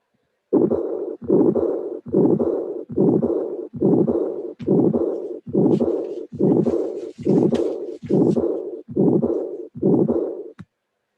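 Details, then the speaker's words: Auscultation teaching recording of mixed aortic stenosis with aortic regurgitation at about 70 beats a minute: first sound, harsh systolic ejection murmur, second sound, then a high-pitched diastolic murmur covering diastole. "But I wanted to emphasize in the aortic stenosis lesson that aortic stenosis cannot systematically be isolated. Aortic stenosis can be also the results of a mixed defect that is aortic stenosis and regurgitation."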